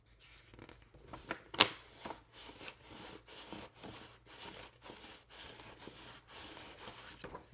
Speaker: that is me getting card stock and rolling it over the um spiral minder that's what it sounds like it's sounds like you rubbing sandpaper together but very finely